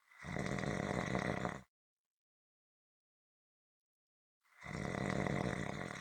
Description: This is a 7 minute clip consistant rhythmic snoring.